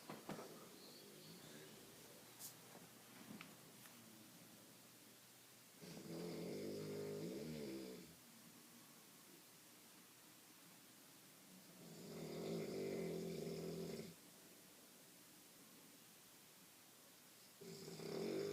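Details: Three loud, rough snores about six seconds apart over quiet room noise from sleeping adult parents.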